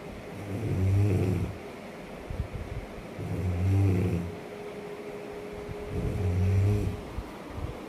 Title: Beautiful Snoring